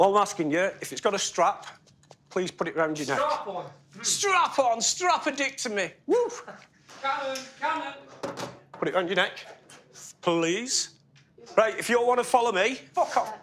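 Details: Adult man with Tourette syndrome since childhood, almost no ability to suppress tics; involuntary obscene or offensive vocal tics interrupt speech; Tourette syndrome vocal tics (coprolalia).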